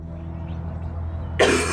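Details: Steady low hum, then one sudden harsh cough-like burst from a dog at the very end: dog cough.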